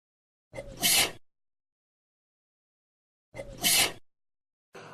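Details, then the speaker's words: Two sneezes about three seconds apart, each a short inward breath then an explosive burst, from a man who sneezes on looking at the sun after leaving the house: photic sneeze reflex. "तो घर से बाहर निकलते ही मैं जब भी सूरज की तरफ देखता तो मुझे अजीब सी सेंसेशन होती नाक में, जैसा कि छींक के टाइम पर होती है। और गेस व्हाट, मुझे छींक आ जाती थोड़ी देर में।"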